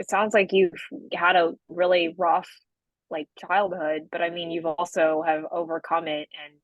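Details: Adult woman speaking; no speech disorder.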